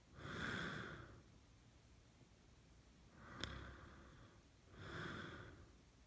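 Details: Adult man snoring in sleep, louder after his mouth is opened: slow noisy breaths, about three in six seconds, with a soft snorting rasp and a brief click between; open-mouth snoring.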